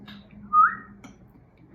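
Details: Whistling vocal tic in Tourette syndrome: a brief, abrupt rising whistle breaking out against quiet room noise; an involuntary vocal tic.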